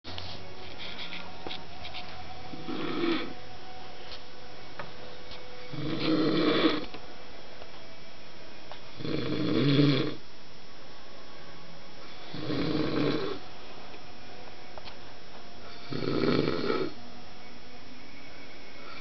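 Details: Adult husband, who says he doesn't snore, snoring: loud, low rattling snores on each breath in, about five in 19 seconds, with quiet pauses between.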